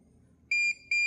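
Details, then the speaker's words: Two sharp, high electronic beeps from a BiPAP machine as a long press on the work-mode setting unlocks it, allowing auto, BiPAP or CPAP mode and settings to be changed; BiPAP machine unlock beep. "Beep sound ಬರುತ್ತೆ beep sound ಬಂದಿದ್ ತಕ್ಷಣ unlock ಆಯ್ತು"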